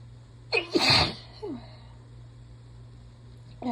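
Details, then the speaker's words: A sharp in-breath, then one loud, half-stifled sneeze and a short sigh-like sound in a quiet room, from a congested person sick and sneezing repeatedly. "doctor's appointment um coming up within the next half hour oh virtual assistant so I need to get all these sneezes out first too"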